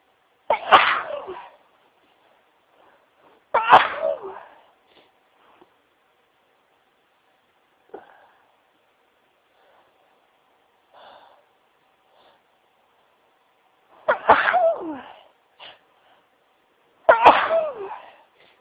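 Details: Four sharp sneezes, most muffled into a tissue, with faint rustling between them; sneezing into tissues.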